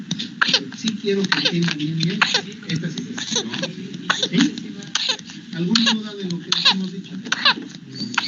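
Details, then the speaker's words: Paroxysmal whooping cough (pertussis) in an infected child, a cough described as more pronounced in babies: rapid runs of short explosive coughs with high, strained breaths in between. "y aquí tenemos un audio muchachos vamos a ver si se puede escuchar de un niño infectado para que puedan ver cómo es ese status paroxística o esta tos ferina que es más pronunciada en lo que son los bebés"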